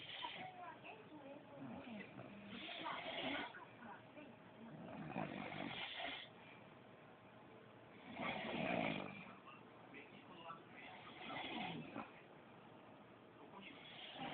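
Loud, rough snoring with each breath in, about 20 breaths a minute, uneven in strength; phone recording with some room noise.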